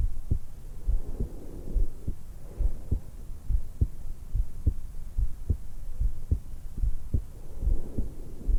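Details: 20-year-old woman lying supine in bed right after waking, stethoscope microphone at the suprasternal notch: regular heartbeat about 70 a minute with soft breath sounds; normal heart and breath sounds.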